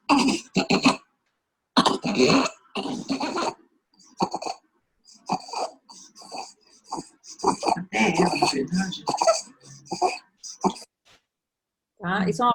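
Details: Newborn, exclusively breastfed, with repeated harsh, squeaky noises on breathing in: inspiratory stridor from laryngomalacia.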